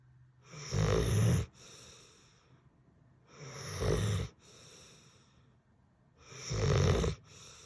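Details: Senior sleeping and snoring: loud, rattling snores on each breath in, softer breaths out, about 21 breaths a minute.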